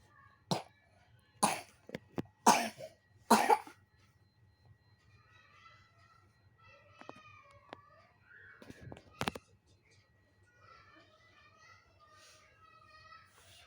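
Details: Young girl coughing for about a week during the change of season: four sharp dry coughs in quick succession, then quiet background chatter.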